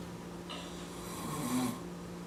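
A single brief, rough snoring breath over a steady hum of room noise.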